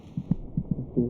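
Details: Fetal heartbeat: quick, soft paired thumps at roughly 150 a minute over a low hum, about twice the mother's rate.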